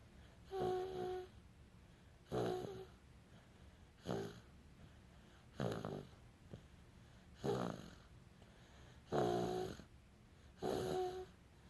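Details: An infant snores in short, regular bursts with a squeaky, almost musical tone, about 35 breaths a minute: infant snoring.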